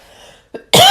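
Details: Cough from an adult podcast host with asthma during springtime: a single sharp, loud cough after a faint breath.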